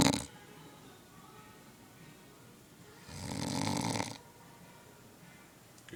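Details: One loud, rough snore of about a second between quiet pauses from an adult roommate asleep at a beach house, with faint background music; snoring.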